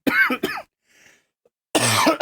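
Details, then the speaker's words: Short, rough, throaty coughs with breaks between them from an adult gamer who blames a lingering post-nasal drip cough and wonders whether it could be laryngitis; cough. "I'm so sick of this post-nasal drip cough, bro. I'm so over this. I don't even know what this is. It could be [ __ ] laryngitis at this point."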